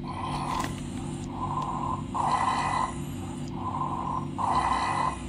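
Coarse, snore-like rattling with each breath phase: rhonchi, pointing to secretions or narrowing in the larger airways.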